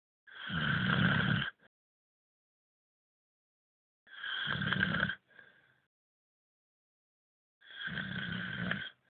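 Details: Three loud, rough snores on the in-breath, a few seconds apart with silence between; ordinary heavy snoring.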